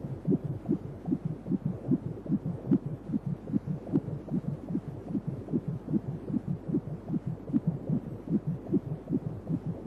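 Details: Fetal heartbeat on a 3D/4D ultrasound baby scan: rapid, regular whooshing pulses at about 150 a minute.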